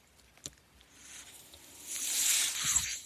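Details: Speaker's own mechanical ventilator during a quiet pause in a podcast recording: a soft, high-pitched hiss of airflow swells over about two seconds as the ventilator delivers a breath.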